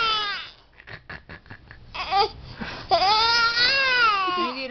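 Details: Infant crying in loud, rising and falling wails broken by short whimpering sobs, with an adult's voice nearby; an ordinary fussy cry.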